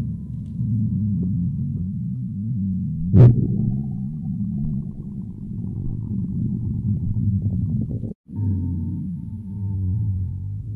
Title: Stomach Sound [Stomach Growling][ASMR] [2023-04-11]